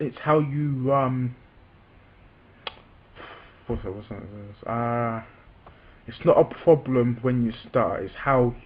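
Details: Adult man with a self-reported stammer, speaking spontaneously. Stuttering.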